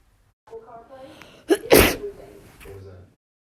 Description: One day I recorded me sneezing and then it turned into this... take your allergy meds kids!